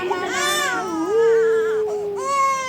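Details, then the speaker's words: Girl of about three months crying at her third vaccine dose, a syringe injection in the right arm: sharp, high-pitched crying that soon quiets. "ওই যে বললাম আমার মেয়ে প্রচন্ড strong প্রথমে দেখছিলে যে কান্না করছিল তারপরেই কিন্তু চুপ হয়ে গেছে"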